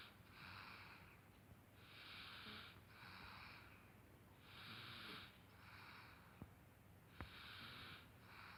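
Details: Soft, hissy snoring breaths in an irregular rhythm over a faint hum, with two sharp clicks near the end, from a female who was unwell and slept most of the day; snoring.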